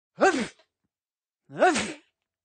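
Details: An adult man sneezes into his arm: two voiced, muffled sneezes, each a short rising-then-falling burst with breathy noise.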